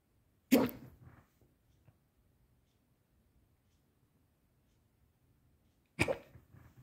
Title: hiccups are back